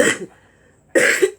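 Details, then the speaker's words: Adult with COPD, asthma and liver disease, who woke with a fever, gives two short, sharp, hacking coughs without a wet rattle: a dry cough. "hi everyone uh i've woken up with a temperature and a cough a dry cough and it's pretty worrying"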